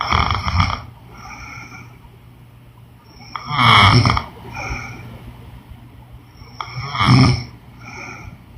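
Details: Woman snoring: loud rattling snores on the in-breath with quieter whistly out-breaths, about 18 breaths a minute.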